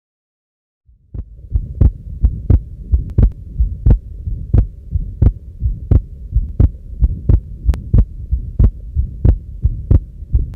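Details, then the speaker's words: Combined aortic stenosis and regurgitation: a systolic murmur at the base of the heart plus an early diastolic murmur at the left sternal edge, with systolic and diastolic sounds heard at both sites. "remember a combination of a systolic murmur at the base of the heart and early diastolic murmur at the left sternal edge is typically seen in combined aortic stenosis and regurgitation"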